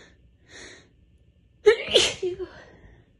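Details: Allergy sneezing fit during a week of bad allergies, recorded just before bed: a soft breathy build-up followed by one forceful sneeze with a voiced trailing release.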